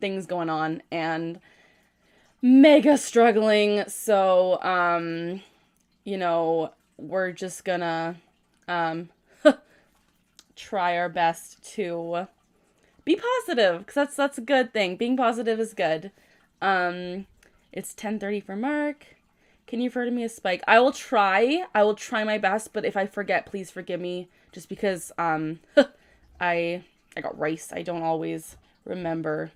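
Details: Vocal tic in a female streamer with Tourette syndrome, followed right after by a painful dystonic neck tic.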